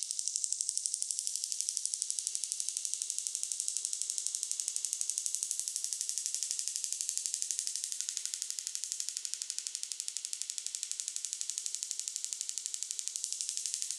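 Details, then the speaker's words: Extracorporeal shockwave therapy applied to the right lower back for pain, at a faster setting: rapid, very regular sharp clicking, about four pulses a second. "Người ta nói rằng sóng xung kích ngoại cơ thể này được áp dụng để kích hoạt tuần hoàn máu và gây ra những thay đổi vật lý ở mô xung quanh, màng tế bào thần kinh, từ đó làm giảm đau."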